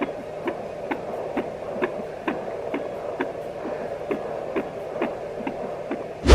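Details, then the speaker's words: Fetal heartbeat on a Sonoline B home fetal Doppler, wand placed low on the belly: rapid, regular whooshing pulses about 130 a minute, like galloping horses. "Finally, the third sound that you will be hearing, the one you're looking for, is your baby's heartbeat. This is similar to almost galloping horses."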